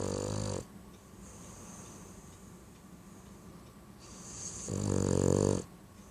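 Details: Sleeping Boston Terrier dog; loud vibrating snores on breaths about four seconds apart, quieter breathing between; snoring.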